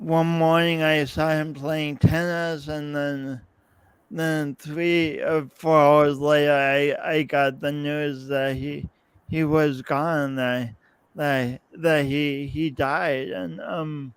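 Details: Man's real, lifelong speech impediment with coordination differences, self-described; speech impediment (disfluent speech).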